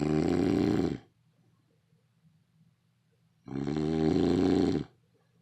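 Two loud, rattling snores with quiet pauses between them; ordinary snoring.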